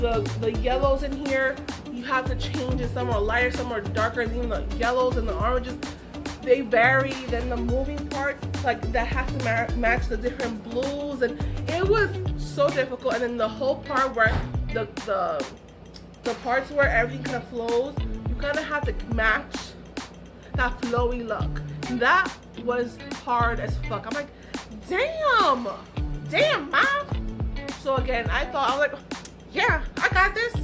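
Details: Adult woman with aphasia caused by a stroke, which left her unable to talk, write or paint.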